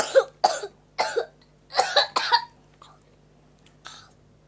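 Five short cough bursts in quick succession, some ending in a high squeaky tone, then softer breathy sounds; a squeaky cough.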